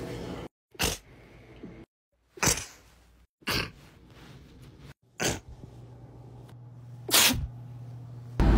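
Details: Six sharp explosive sneezes in a row, irregularly spaced, with a low hum in the room; sneezing.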